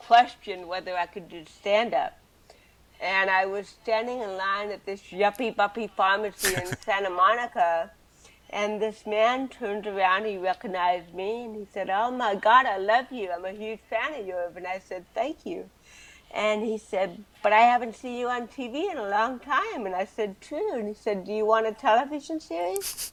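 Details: Adult woman with cerebral palsy from birth, speaking in a real 2013 interview; dysarthria (cerebral palsy).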